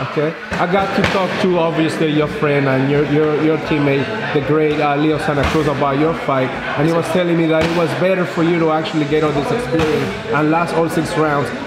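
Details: Adult male interviewer; Normal speech.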